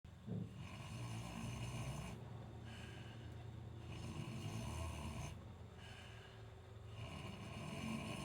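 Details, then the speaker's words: Heavily pregnant Kunekune sow, due any day, sleeping before birth: steady low rumbling snores in repeating breath cycles, with some background noise. "is the sound of our big mama pig, who is due any day, but she's just in there snoring away."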